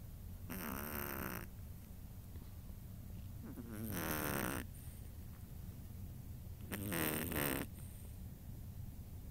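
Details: A sleeping Chihuahua: three loud, buzzing snores a few seconds apart, about 20 breaths a minute; snoring.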